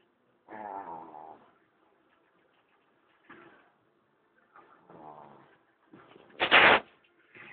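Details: Snoring from a sleeping pet cat: soft, fluttering, rattly bursts about every two seconds, ending with a louder snorting breath, in a quiet room.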